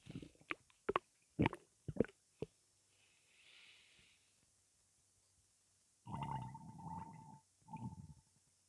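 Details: Gassy belly: short gurgling pops followed by longer low rumbling as gas moves through the bowel; bowel sounds (borborygmi).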